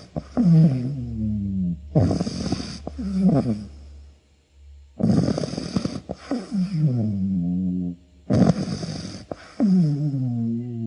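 Loud, rattling snores recurring about every three seconds, each with a harsh vibrating inhale followed by a whistling, falling tone; heavy snoring.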